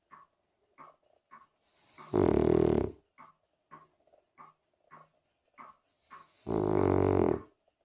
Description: My 3 year old Cavalier King Charles spaniel "Rosie" snoring away.